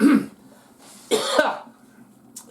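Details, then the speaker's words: Cough from a person who says they are still coughing a lot: two short, harsh coughs about a second apart, with room noise between them. "Still coughing like a good one."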